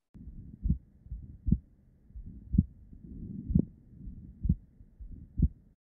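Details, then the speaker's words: Woman with CREST syndrome (systemic sclerosis), short of breath with neck accessory-muscle use; heart sounds with split S2 (aortic then pulmonic) and a very loud P2, indicating pulmonary hypertension. "hear a very loud p2s notice how this is S2 and notice that there are two components to S2 the first one is is aortic the second one is pulmonic she absolutely has pulmonary hypertension and that's why she's short of breath"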